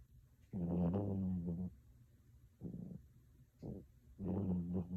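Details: Snoring from a sleeping Chihuahua: loud, rough, rattling snores over three or four breaths with quieter gaps between them.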